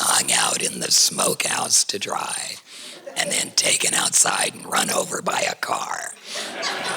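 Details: Alaryngeal speech in an adult woman whose larynx was surgically removed for cancer.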